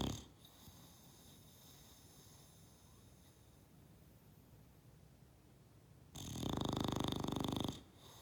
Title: Hazel the lazy bulldog, snoring loudly!